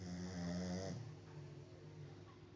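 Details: Ordinary snoring: a low, rumbling snore on the in-breath, followed by a quieter breathy tail.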